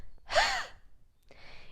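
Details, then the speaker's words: Demonstrated huff cough, taught as an alternative to chronic throat clearing: one forceful breathy 'h' blast of air kicked from the diaphragm and belly. It clears mucus without the vocal cords closing. "so what we're going to do is we're going to kick our belly we're going to kick from the diaphragm a big blast of air on an h-like sound almost as if we're wheezing it's going to sound like"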